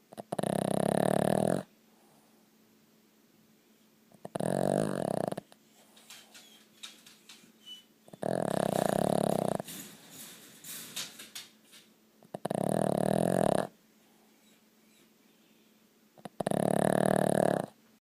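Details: Chapp, a sleeping dog, snores loudly and rhythmically, about 15 rasping breaths a minute with quiet pauses between.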